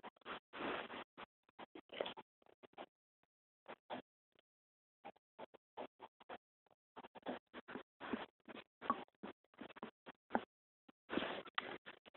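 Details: The person's own stomach noises, recorded on a phone: irregular bursts of gurgling and crackly rumbles, typical of active bowel sounds (borborygmi).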